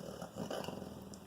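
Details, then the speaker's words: Dog snoring while asleep and twitching; snoring. "know if you can hear that my dog is snoring in his sleep but it's really cute"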